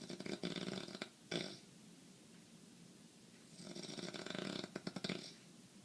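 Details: Man with sinus congestion every night causing breathing problems, asleep: two noisy, rattling breathing phases a few seconds apart with a short snort between. Snoring.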